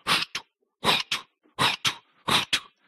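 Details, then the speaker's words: Voiced imitation of an aortic stenosis murmur as heard by stethoscope at the second intercostal space; a harsh, rhythmic whooshing repeating about 75 times a minute, in a talk on hip-fracture patients. "you can listen here in the second intercostal area you can hear an aortic stenosis it always sounds like that"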